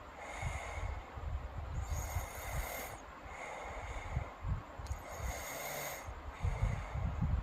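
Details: Rhythmic low rumbling breaths with snorting on inhalation, about three cycles in seven seconds; snoring in a sleeping girl.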